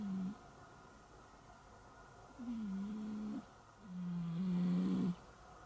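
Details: A cat gives three low, buzzing snores, each about a second long, with quiet gaps, over faint room hum, measured with a noise meter; owner thinks snoring may be due to obesity.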